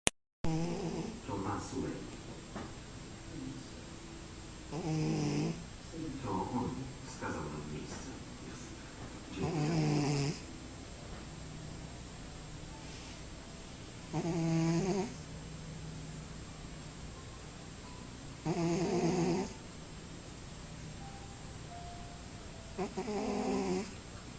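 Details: A cat snores in soft, regular bursts, about 13 a minute, over faint room noise; snoring.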